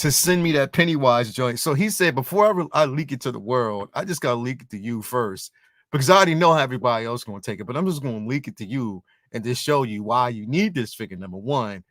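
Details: Adult male speaker; ordinary speech.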